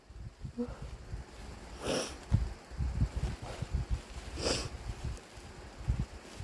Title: Inducing with chhinkni and a tissue = WET sneezes